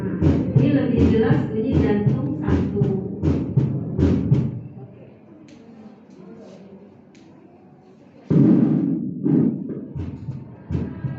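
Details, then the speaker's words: Stethoscope auscultation at the cardiac apex (mitral area) during a physical exam demonstration: regular low thudding heartbeats with a clear first heart sound; normal heart sounds. "Nah, auskultasinya lihat kedengaran begini, ini yang normal nih ya."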